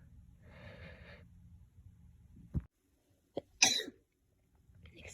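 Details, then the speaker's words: Person talking to camera announces "I'm gonna sneeze", then a brief sharp inhale and a sudden forceful burst of air with a hissing tail: a single sneeze. "and those would make hopefully a good short video and then also oh um i'm gonna sneeze"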